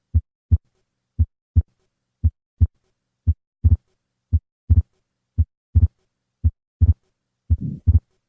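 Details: Atrial septal defect: slow regular heartbeat about 55 per minute; the second sound becomes split, then a soft systolic flow murmur appears, consistent with fixed splitting of S2.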